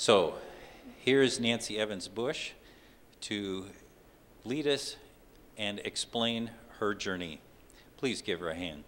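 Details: Adult man; normal speech.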